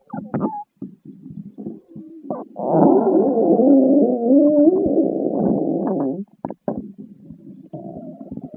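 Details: Someone's stomach growling (borborygmi): short gurgles, then a long, loud rumbling growl with wavering, squeaky pitch, then more brief gurgles.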